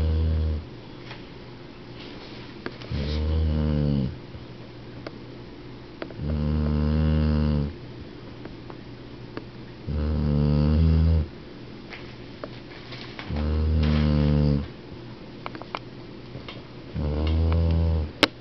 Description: 12 year old dog "Baby" snoring